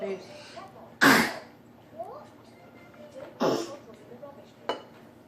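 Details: A child gives three abrupt, harsh coughs spaced a second or two apart, with faint vocal sounds in between; a plain cough.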